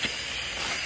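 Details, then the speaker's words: Oxygen at full flush rate, valve cranked all the way open, feeding an improvised CPAP setup with PEEP valve and viral filter, made for supply shortages during COVID; steady loud hiss as the reservoir bag fills. "then we're just going to go to flush rate so flush rate you just crank it all the way open"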